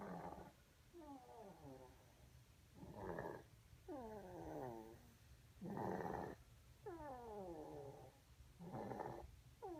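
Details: Remi, 11 months, snoring in 2014: soft rhythmic snores with whistling, falling nasal squeaks between rasping breaths, repeating roughly every one to two seconds.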